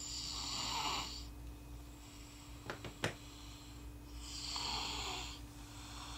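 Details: Person born 17 August 2007 snoring: two breathy, hissing snores on inhalation with a few soft clicks between, over a steady low room hum.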